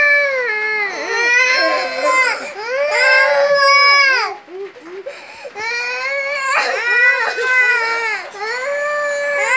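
Loud, rhythmic wailing cries from a baby in bursts with brief catch-breath pauses between them; ordinary infant crying.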